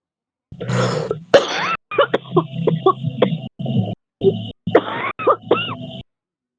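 A run of deep, harsh, chesty coughs with throat clearing and gasping breaths between; heavy smoker's cough.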